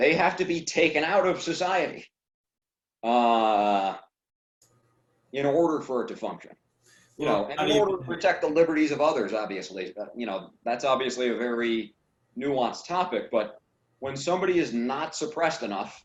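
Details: Adult man who stutters, speaking on a stuttering podcast; stuttering.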